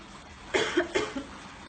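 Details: Simulated cough in a cough-etiquette demonstration: three short, dry cough bursts in a quiet room.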